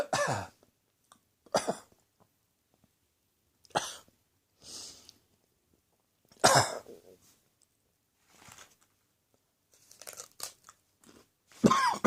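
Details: Adult irritant cough with choking after spicy Indian takeaway curry, eaten after an evening of beer, caught the back of the throat: about ten harsh, irregular cough bursts with sputtering, choking pauses between them.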